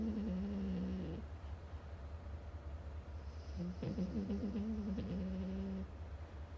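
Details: Low, rattling breath sounds in two long bursts over a steady hum from a sleeping French bulldog the owner says has sleep apnea; snoring.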